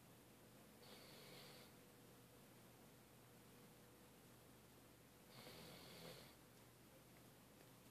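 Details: Dog passed out asleep on the couch: two soft, airy snoring breaths about four seconds apart over steady room noise; snoring.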